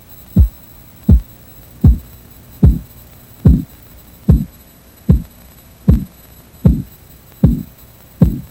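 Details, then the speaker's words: Training-tape practice sample of Korotkoff sounds: regular low tapping pulse sounds, about 77 per minute, heard through a stethoscope as the blood pressure cuff slowly deflates, from the first (systolic) to the last (diastolic) sound. "Remember, the first sound you hear is the systolic pressure, and the last sound you hear is the diastolic pressure."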